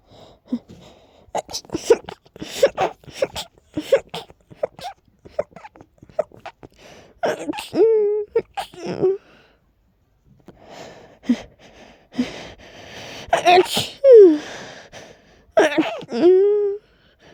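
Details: Repeated breathy build-ups and gasps ending in several muffled stifled sneezes, then brief voiced exhalations; allergic sneezing with a very tickly nose.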